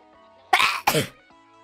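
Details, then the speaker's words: A quick breath in, then a sharp, explosive two-part sneeze from a streamer who could not hold it in, with soft music in the background; a spontaneous sneeze. "Lo siento, realmente quería estornudar y no pude aguantarme"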